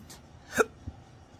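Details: One brief, sharp hiccup with a soft follow-on thump in a quiet room, from an adult man with chronic, persistent hiccups.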